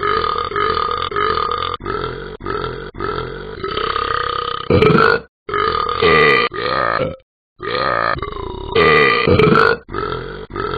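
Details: Simulated burping from the animated Talking Ben the Dog app: a long series of loud, drawn-out, rumbling belches with short breaks between them.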